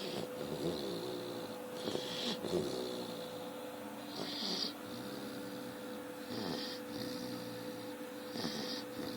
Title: Chow puppy snoring